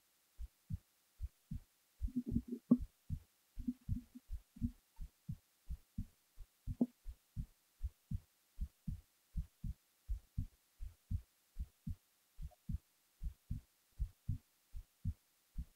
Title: hb while falling asleep